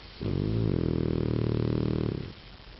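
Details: One long, steady buzzing breath lasting about two seconds with a fluttering quality, from a sleeping dog: snoring.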